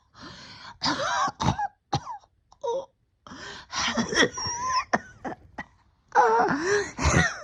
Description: I got pretty sick at the end of the year and have been struggling every day of 2024 to get my breathing back right.